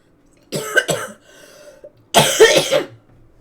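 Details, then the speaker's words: Streamer's cough, described as about as bad as it has ever been: two harsh coughing bouts, each with a few rapid bursts, separated by a brief quiet stretch. "Your cough like is so is fine, and this is what it sounds like. This is about as bad as it's ever been, too."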